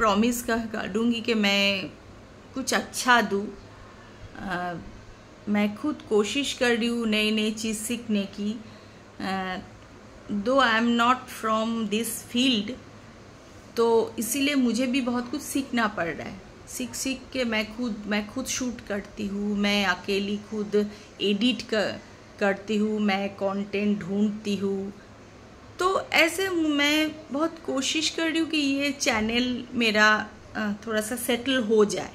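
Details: Stuttering in an adult woman speaking Hindi, present since childhood, intermittent, worse when tense or angry; she says it occurs at times while speaking here.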